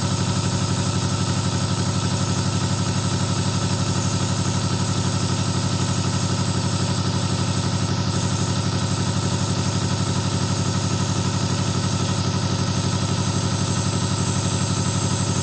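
Continuous low, rapidly pulsing motor drone of a nebulizer compressor, steady throughout with no other sounds.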